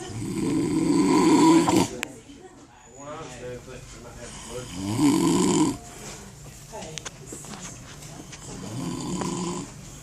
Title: snoring